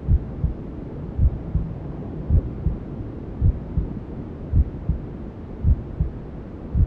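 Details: Newborn sleep-aid womb sounds: muffled, regular low maternal heartbeat thumps at about 54 a minute under steady rushing white noise, with other sounds from inside the mother's belly.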